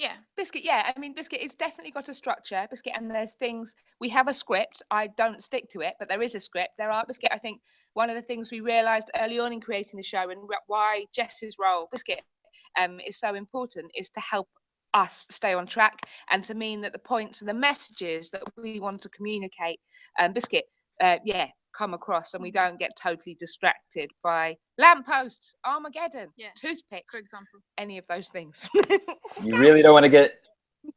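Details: Tourette syndrome in a woman, with frequent involuntary vocal tics, especially repeated "biscuit" and random words like "hedgehog" and "sheep dog"; vocal tics (Tourette syndrome).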